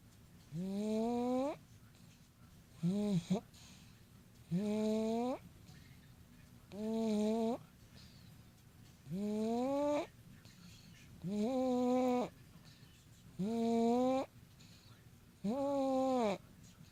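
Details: Eight loud, regular, rising buzzy snores, about 28 a minute, from a sleeping cat named Tripp; ordinary snoring.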